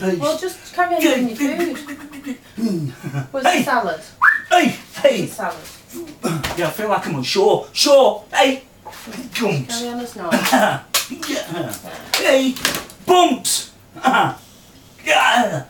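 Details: 46-year-old man with Tourette syndrome; a small motor tic developed into full-blown Tourette's after trauma in March 2009; vocal tics; tics later progressed to loud outbursts of inappropriate language.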